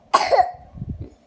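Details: Child coughing at home: a single sharp cough with a brief voiced tail afterward.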